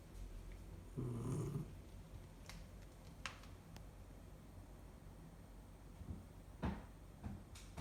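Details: Sleeping puppy that has always snored very loudly, audible from another room; low rumbling snore over a steady background hum, then quieter snuffling breaths: canine snoring.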